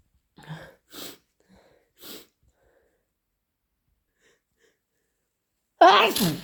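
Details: Sneeze: soft breathy catches, then after a pause one loud, explosive ordinary sneeze.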